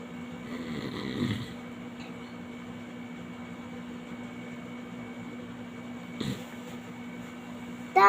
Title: MY DAD HE WAS SNORING LOUD WHILE I 'M BLOGGING SO IT WAS LOOK SOUND EFFECTS ON MY VIDEO #fyp